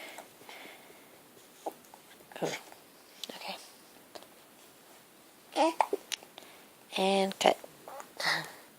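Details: Infant hiccups: short, abrupt catches recurring about every second in a quiet room, mixed with brief baby coos and squeaks.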